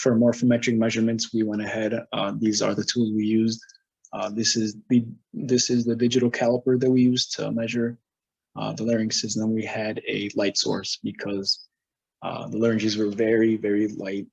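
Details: Adult male speaker; normal voice.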